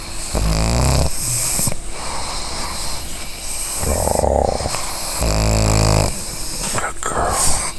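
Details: Sleeping, dreaming pug snoring: loud, rattling snores with snorts over several breaths in a row.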